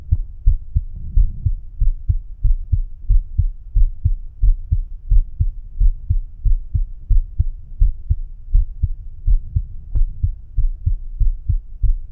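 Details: Regular low heart thumps, about 90 a minute, heard with the stethoscope bell at the mitral area (apex) after aortic, pulmonic, Erb's point and tricuspid.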